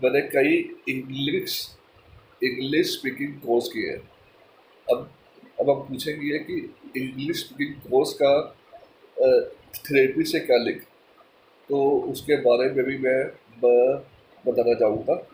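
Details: Adult male speaker, Hindi; stuttering.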